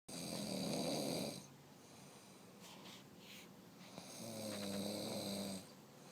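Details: Adult woman snoring heavily in sleep: two long, loud, rattling snores on breathing in, with a quieter breath out between, in a quiet room.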